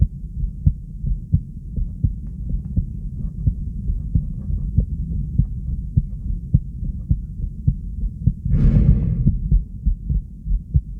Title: Heartbeat sound (fast) subj.-b1